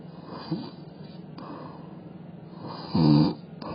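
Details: Snoring in a cat sleeping in a weird position with its tongue moving: soft noisy breathing with one brief, louder buzzing snore on an in-breath over room hum.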